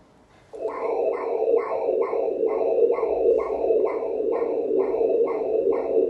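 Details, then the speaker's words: Umbilical cord Doppler blood flow in a male fetus at a 36-week ultrasound scan: rhythmic, regular whooshing pulses at about 130 a minute, judged normal. "but this is the umbilical cord so that was the other thing that I was going to do just check the blood flow through the emical cord yeah yeah"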